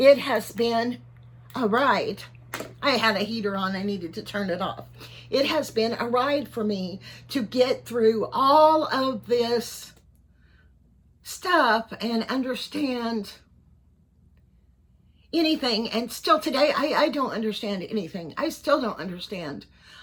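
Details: Voice tremor in a 55-year-old man; his neurologist is unsure whether he has Parkinson's disease, cervical dystonia or both. Tremor in voice, head and hands began around January 2024 and has worsened. He is treated with carbidopa-levodopa and neck Botox.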